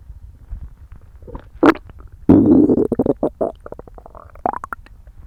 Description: 久しぶりにご飯食べたら凄いゴロゴロ鳴ってたから撮った！